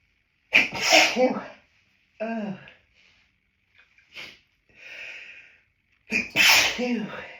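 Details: Adult with hay fever, after stifling sneezes outdoors, hiding in a toilet cubicle: three forceful sneezes with sharp breaths between, the last loud and explosive, the end of a sneezing fit.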